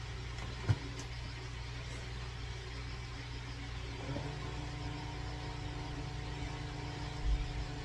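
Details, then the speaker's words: Stroke survivor with a hemorrhagic stroke on the right side of the brain and left-side weakness checks blood pressure at home: a button click, then the automatic cuff pump inflates with a steady motor hum. The reading is 123/86. "so Ayan po ang ating blood pressure ulitin po natin 123 over 86 po"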